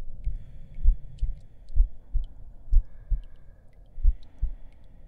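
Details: Simulated heartbeat sound effect in an ASMR roleplay with the listener lying down to rest: soft, low, muffled thumps in pairs, roughly 60 to 65 a minute, under quiet room noise.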